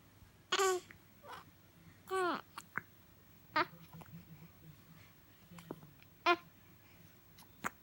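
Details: Infant waking up, with short fussing cry bursts and whimpers separated by pauses, in a quiet room; infant cry.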